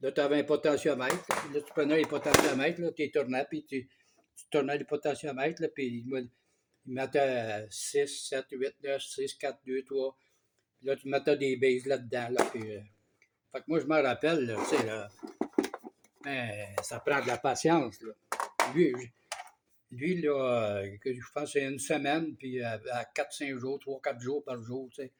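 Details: Man speaking French, almost two years after onset of aphasia following an event with 45-day hospitalization and loss of speech; now talking again but often losing words, with word-finding pauses, repetitions and distorted words; aphasia.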